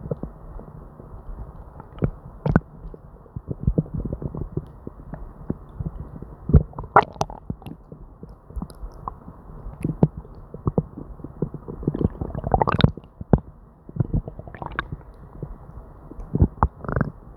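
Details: Person with diarrhea and an upset stomach: frequent gurgling and rumbling abdominal noises with few pauses, hyperactive bowel sounds (borborygmi).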